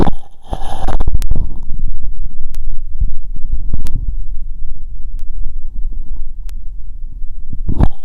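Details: Low gurgling and rumbling through a stethoscope on the abdomen after a 2 km run, consistent with ordinary bowel sounds.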